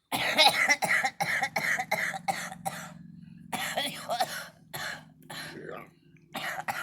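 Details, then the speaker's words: Girl smoking: rapid runs of harsh coughs, about a dozen bursts, with throat clearing, after smoke went down the wrong way. "yeah that went down wrong too yeah that smoke went down wrong too"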